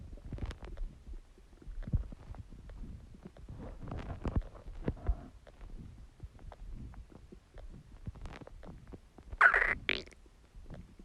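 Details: Irregular low gurgles and rumbles from the belly, with a few sharper squeaks; ordinary stomach growling.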